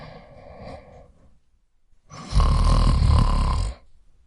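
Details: Snoring: a quieter rumbling breath gives way to one loud, harsh, vibrating snore lasting over a second.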